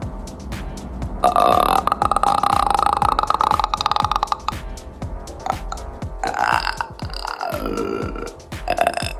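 Repeated loud, drawn-out belches with music playing in the background; burping after a fizzy drink.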